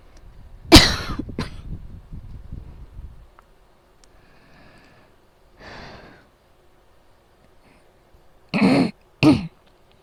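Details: About five harsh, forceful coughs in scattered bursts during a night-time asthma attack preventing sleep, over a steady fan hum; asthma-attack cough.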